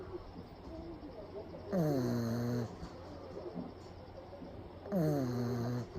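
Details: Two loud, drawn-out, buzzing snores with quiet breathing between, from a pug napping with eyes rolled back showing the whites; brachycephalic dog snoring, recorded close up.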